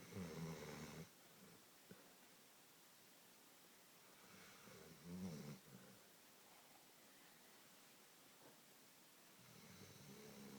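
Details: Dog Guinness snoring during a post-walk nap: low rumbling snores on the in-breath, about three in the clip, with quiet breathing between; ordinary snoring.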